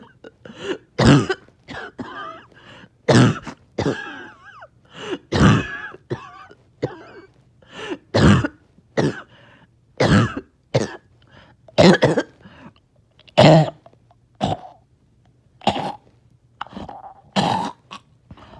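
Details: After a breathing treatment, about 25 bursts of harsh, wet coughing with throat clearing, gurgling mucus and choking on phlegm; part of nearly 40 minutes of painful productive coughing to clear mucus.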